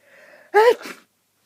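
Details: A single sneeze, a brief in-breath then a sudden forceful burst, in a long run of repeated "hup" sneezes from a person sick with a cold: sneezing.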